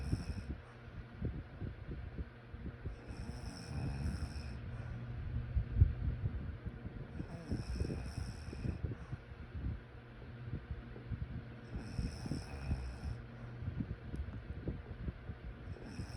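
Low, rough noisy breathing sounds rising and falling in cycles about every four seconds, fitting snoring during sleep.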